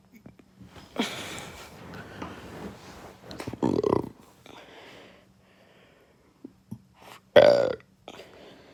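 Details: Several loud, forceful burps with quiet gaps and faint background talk, attributed to eating fast food; ordinary belching.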